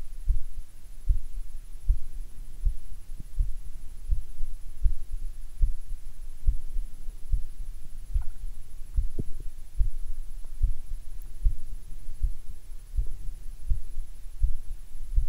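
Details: Normal heart sounds recorded with a DIY electronic stethoscope: steady, regular low thumps at about 78 beats per minute, with a faint hum behind.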